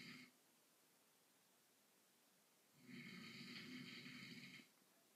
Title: My moms fiancé snoring after a long day at work